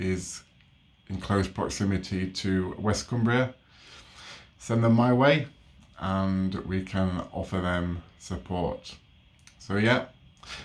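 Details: Adult man with stammering since age three, overt as a child and now also covert (word switching), who attended conventional speech therapy from ages 3 to 12; stammering.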